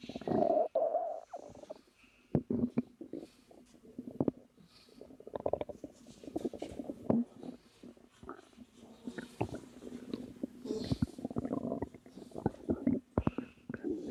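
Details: Woman about 3 months pregnant, relaxing, says she has felt uncomfortable but not in pain since learning she is pregnant; irregular, fairly quiet gurgles, squeaks and low rumbles: active ordinary stomach growling, normal bowel sounds.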